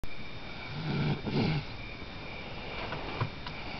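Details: Woman asleep: a single low, rumbling snore on a breath in, over steady background noise.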